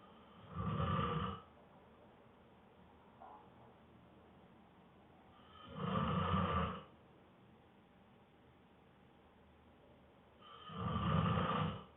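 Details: Boyfriend, exhausted after a long day of work, snoring hard soon after falling asleep: three loud, deep snores about five seconds apart, roughly 12 breaths a minute.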